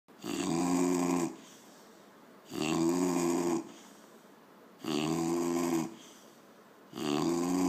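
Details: Snoring: loud, buzzy, rhythmic snores, about 27 a minute, each lasting about a second with quiet exhalations between; regular snoring.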